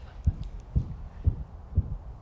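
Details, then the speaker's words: Grade 3 heart murmur in a veterinary cardiology teaching recording: regular heartbeats near 120 a minute with a whooshing murmur about as loud as the heart sounds. "yeah so that's you can sort of understand appreciate that actually this one's a little bit quer than that one but it's very very subjective"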